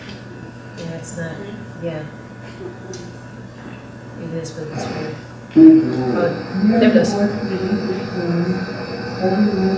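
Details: Aphasia with jargon speech in a man with a lifelong music background after a bilateral stroke, which also took away the rhythm and melody of his speech; he later regained speech by singing familiar folk songs.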